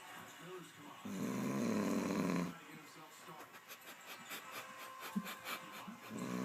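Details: Adult man (father) snoring while asleep during the NBA Finals, perhaps after a long day at work: one loud, rough, rattling inspiratory snore followed by quieter breathing; ordinary snoring.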